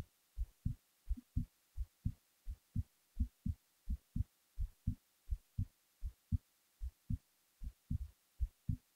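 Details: Low thumping lub-dub pairs at about 85 beats a minute, recorded while falling asleep; a heartbeat.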